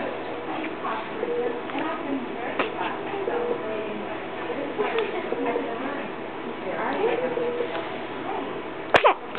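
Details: One brief, sharp sneeze near the end, heard over room noise and soft voices; sneezing while awake.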